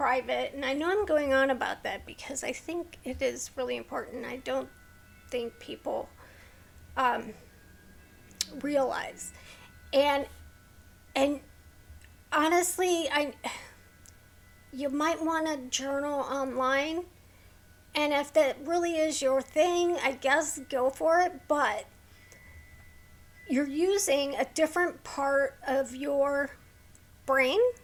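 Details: Woman with a neurological condition causing tremor of the hands, voice and head, plus mild tardive dyskinesia; she strains to talk because of it, making her throat sore: vocal tremor.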